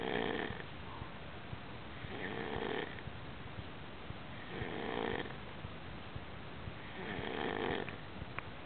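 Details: Snoring during sleep: four rough, rattling breath sounds about every 2.3 seconds, roughly 26 a minute, against a quiet room background.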